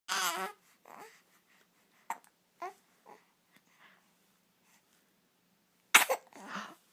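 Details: 7-week-old infant: small grunts and squeaks, then a sharp sneeze burst; ordinary infant sneeze and grunting.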